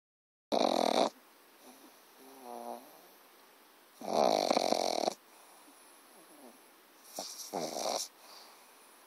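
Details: Pug puppy snoring loudly while asleep: three loud, rattling snores, each about a second long, with quiet breathing between them.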